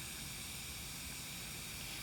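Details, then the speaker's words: Steady, soft, airy hiss of a suction catheter in a tracheostomy tube on a training mannequin, after 3–5 Ambu-bag breaths. Suction is applied intermittently, only while withdrawing, with the catheter twisted, for no more than 5–10 seconds. "intermittently suction on the way out only twisting it between my fingers taking no more than five to ten seconds"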